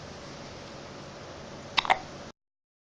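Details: Hiccups in a 3-day-old baby girl: two quick, sharp hiccup sounds in close succession over steady background hiss.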